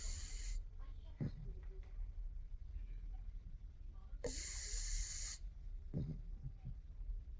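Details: Sleeping pugs snoring: rough, rattling snores with snorty noises on breathing in, plus hissy bursts.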